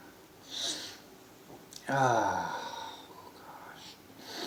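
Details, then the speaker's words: Adult man sneezy on waking after eight hours' sleep, in a run of about ten sneezes in a row; a voiced sneeze burst with a sharp intake before it, over quiet room noise; sneeze. "I'm all sneezy oh I'm all sneezy there's weird I've slept on it for eight hours"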